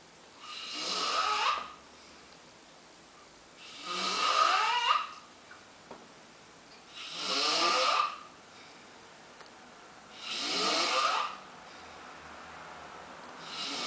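Steady, rattling snores on each breath in, about 18 breaths a minute, with quiet pauses between them: ordinary snoring.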